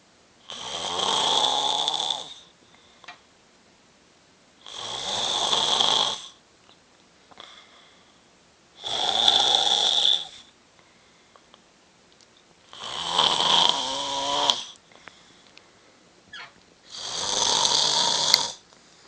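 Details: Loud, harsh snoring on each inspiration, about five snores in nineteen seconds, with quiet pauses between.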